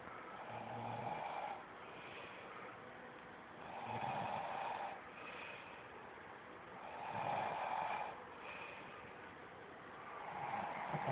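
Steady, rhythmic snoring, about 19 noisy breaths a minute, each a soft rasping rush on breathing in; ordinary snoring during sleep.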